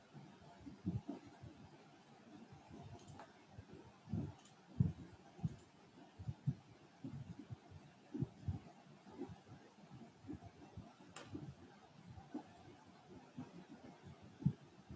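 Faint, muffled low thumps of a normal lub-dub heartbeat, played through a speaker into a quiet room.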